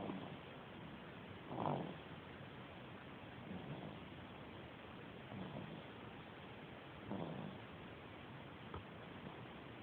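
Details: Sleeping cat snoring: soft, rhythmic breathing with a gentle rasp on each breath, about 30 breaths a minute, over faint room hiss.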